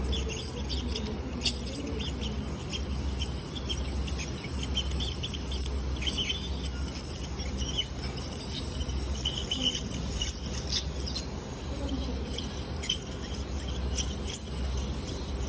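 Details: Dental clinic scaling for tartar and calculus removal: high-pitched whine of an ultrasonic scaler with spray patter and faint suction in the background.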